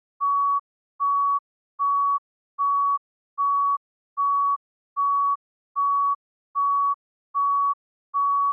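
Steady pure-tone monitor beeps, about 76 per minute, evenly spaced like a regular heart rhythm.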